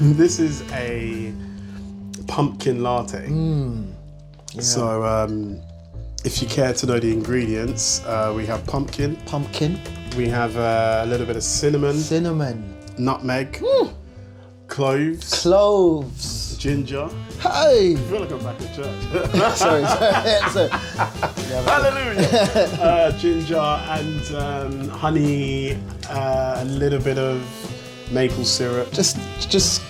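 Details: Stuttering (stammer) in an adult male singer.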